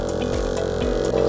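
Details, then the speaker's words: A respiratory therapist demonstrates a portable suction machine set up with a filter, suction tubing and a suction tip: a steady motor hum rising in pitch as the machine starts. "you would then turn on the machine and they would increase the pressure you would go on the positive side"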